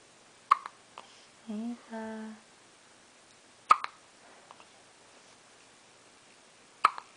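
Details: A girl's hiccups recorded by her father: three sharp, sudden hiccup clicks about three seconds apart with a brief hum between, in a quiet room; hiccups.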